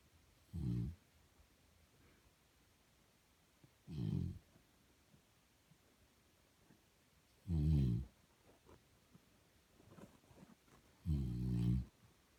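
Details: Father snoring, recorded in 2019: four low, rattling snores on inhaling, about 17 breaths a minute, with quiet breathing between in a still room.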